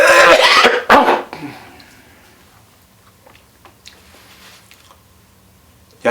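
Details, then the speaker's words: Adult demonstrating deep abdominal breathing to clear lung fluid, upright: two forceful, deep coughs in quick succession with long exhale, bringing up phlegm and mucus from the chest. "I went vertical and then coughed the flam and mucus out but you could see the length of that that cough the exhale of the cough how long it was"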